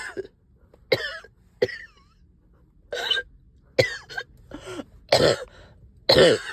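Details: Productive cough in a person up all night with a heavy chest and headache: about eight harsh, wet-sounding coughs with throat clearing, with stubborn sticky phlegm.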